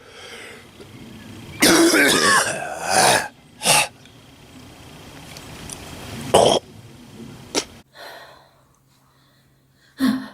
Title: misc cough comp 2